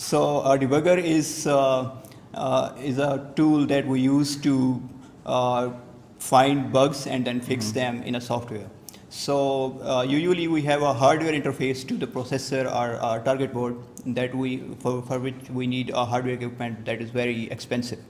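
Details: Adult man speaking; ordinary speech.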